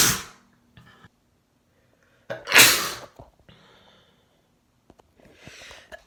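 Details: Two sharp, hissing sneeze bursts from a male, the second louder, with a softer sneeze-like blow near the end, in a quiet room; sneezing.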